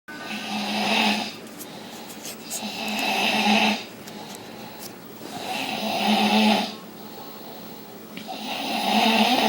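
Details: Loud, harsh, rattling snoring, mainly on breathing in, about 21 breaths a minute, with background music.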